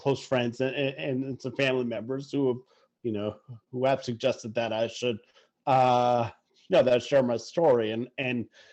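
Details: Adult who stutters, speaking in conversation; stuttering.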